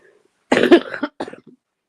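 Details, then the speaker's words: Adult sick for about a week, starting with sore throat, cough not helped by cough medicine, with phlegm: one harsh congested cough then two weaker rattly bursts; wet cough. "I got that phlegm thing going on, which is pretty gross."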